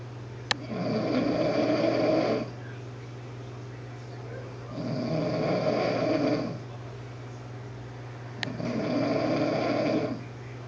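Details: Snoring: three rhythmic rattling snores, about one every four seconds, over a steady low room hum, recorded while resting in a room on the first day of a trip.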